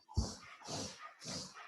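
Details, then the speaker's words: Three quick, harsh, noisy breathing bursts from a dog that the owner thinks is having an asthma attack. "can you hear that yep sorry about that that's my dog it's all right having an asthma attack I think"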